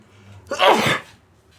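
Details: Single loud, slightly muffled big sneeze with brief intake and forceful burst of air; person says it tickles.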